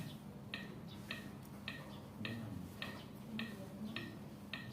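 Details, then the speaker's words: AED trainer in training mode giving metronome ticks, about 105 per minute, to pace chest compressions during CPR practice; real AEDs give no beat; AED CPR metronome beat. "nah sesuai ketukannya kalau yang asli ini tidak ada ketukannya karena ini modenya latihan ID latihan makanya dikasih Irama"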